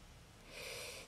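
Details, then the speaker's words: Short, hissy snorting breath from a sleeping pet pug over a low room rumble, a single snore-like sound; dog snoring. "Если вы слышите храп то это мой мопс гремит Как вы знаете он спит 20 часов в сутки как любой другой мопс бодрствует только 4 часа"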